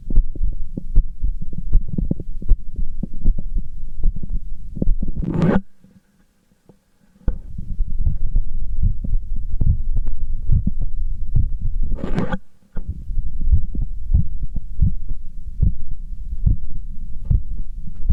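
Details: Rapid heartbeat after exercise: fast, strong, regular thumps with brief scraping noises and a short dropout.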